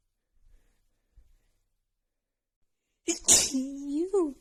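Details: Female with runny nose after an hour outside in cold snowy weather, plus dust: quiet room, then a single sharp explosive sneeze with voiced tail, during an ongoing sneezing fit.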